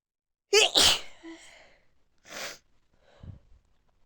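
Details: Person sneezing while high; a sharp double sneeze with a sudden loud burst of air, then a fainter sneeze-like exhale and a short voiced sound; sneezing.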